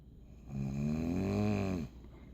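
One loud, buzzing snore lasting over a second on a breath in, from a sleeping adult.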